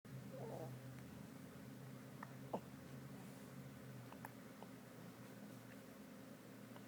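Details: Brand-new newborn baby with hiccups: several faint, abrupt little clicks at irregular intervals over steady room hum.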